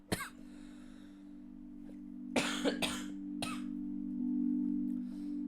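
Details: A single cough, then a short run of three coughs over a steady humming background tone, from a livestreamer who says they are sick and keep coughing.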